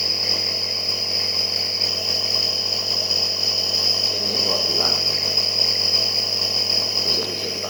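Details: Nebulizer compressor running for a child with a severe cough, given to thin phlegm and ease breathing: steady high-pitched hiss with continuous mechanical hum and faint room noise.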